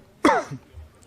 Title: MEME ATAUD TOSIENDO